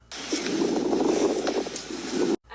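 Harsh, rough breath sound with scattered crackling and rattling through the breath, abnormal lung sounds of a smoker's chest.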